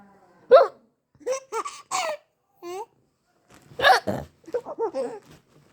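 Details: Sharp, sudden voiced gulps mixed with giggling and babbling; hiccups during laughter.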